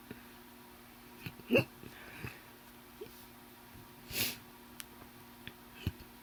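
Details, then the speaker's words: A few abrupt, deep hiccups with sudden gulping catches of breath, separated by quiet pauses in a small room; the person says they are deep, powerful and painful. "Oh, I wonder if you guys can hear how deep they are and stuff."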